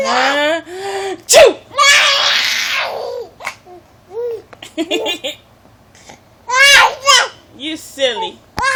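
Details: An adult's sharp, bursting sneeze, followed by a young daughter's vocal reactions and laughter in a small room; sneezing.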